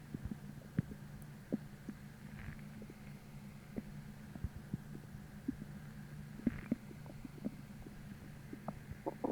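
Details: Hunger stomach growling (borborygmi) with soft low gurgles, a steady rumble and small pops. It began about twenty minutes after a sudden hollow, achy emptiness that replaced bloating from a heavy dinner the night before.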